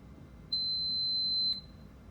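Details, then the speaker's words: Start-up system self-test (SST) of a V-Home home ventilator, checking hardware and software, shown in a caregiver training demonstration: a single high pure-tone beep about one second long over faint room noise. "I'm going to turn the device on now that is going to cause the device to do an SST which is a fancy word for just saying system check so it checks the hardware and the software and make sure everything is running um correctly"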